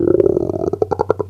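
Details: Low gurgling rumble with quick bubbly pops that slow into separate gurgles: ordinary hunger-related stomach rumbling (borborygmi).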